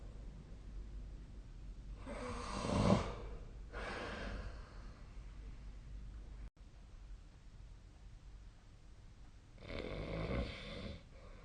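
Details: Snoring during sleep recorded with the SnoreLab app: slow, heavy breaths with low rough snoring and a snort, separated by quiet pauses.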